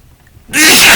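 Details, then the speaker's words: Adult man who had a few drinks, sneezing while talking and calling it a wet one: a quiet lead-in, then one loud, explosive, wet-sounding sneeze. "really oh that was a wet one it's really awesome that we can all do this for each other"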